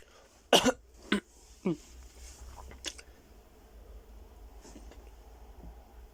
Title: 15 minutes of silence occasionally broken up by frenzied coughing